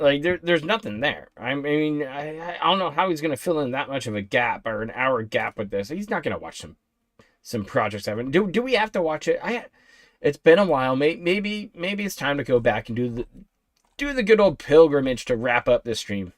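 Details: Adult male speaker; Normal voice.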